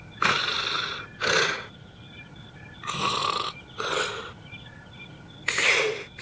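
Rough, rattling snores in irregular bursts, about 23 a minute, over steady room noise.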